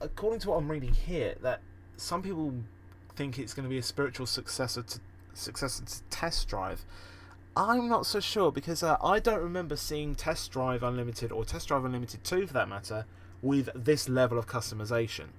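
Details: Real, self-reported stammering and stuttering in a podcast host, with repeated and revised words in this stretch; finding: stuttering.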